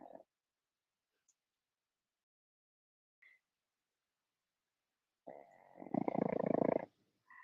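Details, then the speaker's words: A sleeping pug snores with a wet, fart-like sound; the snoring is heard while the dog sleeps. "Put it in the chat if you hear the pug snores. Sounds like a juicy fart, but it's a pug snore."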